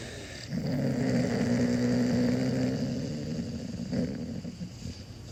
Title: Do your dog snores?!!